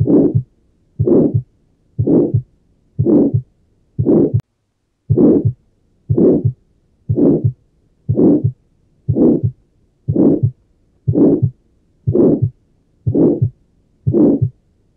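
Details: Tetralogy of Fallot heard at the pulmonary focus: crescendo-decrescendo ejection systolic murmur with a single S2 from aortic valve closure; the pulmonary component is inaudible because of low pulmonary artery pressure. Tetralogy of Fallot murmur.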